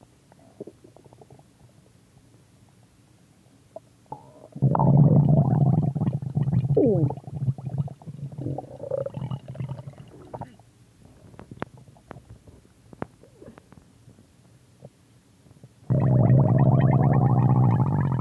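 Long low gurgles and rumbles with scattered pops and squeaks, rising and fading; ordinary stomach growling from gas and fluid moving in the gut.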